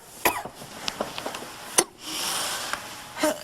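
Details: Acted adult cough in a Spanish-language drama scene: a few sharp bursts with a raspy, throaty edge and breathy noise between; simulated cough.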